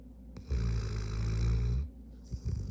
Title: Doggo snores